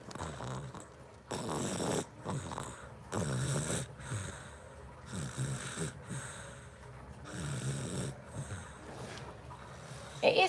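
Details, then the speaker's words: Male animal sleeping: repeated low rattling snores, about one every two seconds, against quiet room noise; snoring. "oh my god his snoring I know can you hear him"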